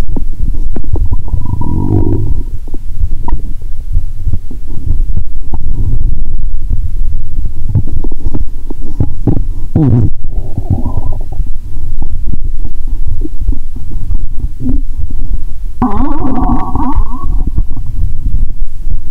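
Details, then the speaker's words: Stethoscope on the belly after drinking cola with Mentos, stethoscope audio described as noisy: loud low gurgles and rumbles over steady close-mic noise; active bowel sounds (borborygmi). ""Tôi nghe thấy rất nhiều tiếng động lớn 😂"."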